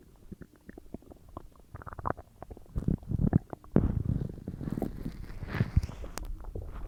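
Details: Loud, irregular gurgling and rumbling from the belly while a huge meal digests; ordinary digestive bowel sounds (borborygmi).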